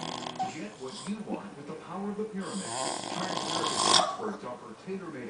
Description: Here's my Brother sleeping on the couch snoring his face off.